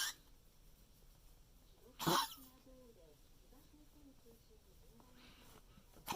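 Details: Small dog under veterinary care with a recurrent severe cough attack after lung fluid was cleared and medication cut to one drug: sharp harsh cough, then thin whistling wheezy breaths; cough with wheeze (tracheal collapse).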